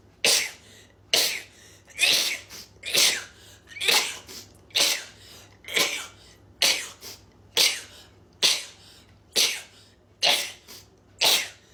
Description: A 25-year-old girl sneezes 38 times in a row.